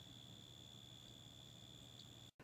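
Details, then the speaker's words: Steady high-pitched electric whine with low motor hum as an inexpensive automatic wrist blood pressure monitor, worn on the wrist and fastened fairly tight, inflates; reading then 132/82, pulse 70, called pre-hypertensive. "all right okay it is slowly oh it is it's inflating it's inflating"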